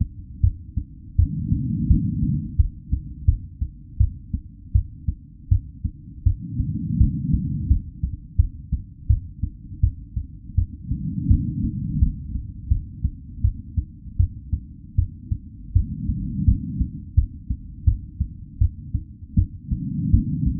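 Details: Real normal-rate heartbeat and pulse recording: steady low heart thumps at about 81 beats a minute, a normal resting rate.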